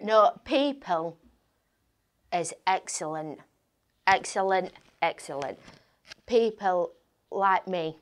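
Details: Adult woman with aphasia who began attending an aphasia centre a few weeks ago; aphasia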